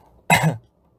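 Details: K-pop singer (TXT) coughing: a single short, sharp cough, almost like a throat clear.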